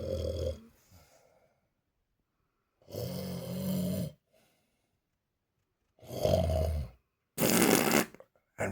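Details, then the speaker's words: Tierney Bhoy, a dog at a sleepover in bed, snoring away and keeping his owner awake: loud rattling snores and snorts on each in-breath with quiet pauses between, roughly three to four breaths heard. "He's literally got me on the edge the bed edge of the bed and I can't sleep with just snoring."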